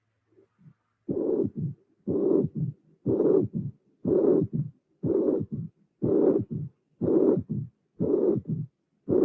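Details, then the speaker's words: Mitral regurgitation with a long systolic regurgitant murmur, then a third heart sound followed by a brief low-frequency diastolic rumble, a relative mitral stenosis flow murmur from increased mitral inflow. Regular rhythm near 61 a minute. "i show you again i hope that you appreciate the fact that after the third sound there is a a small murmur very short low frequency different from the regurgitan jet"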